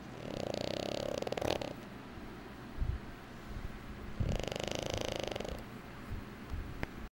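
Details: Two slow, rattling breaths drawn in with a low snore, separated by quiet exhalation, over steady room noise; snoring.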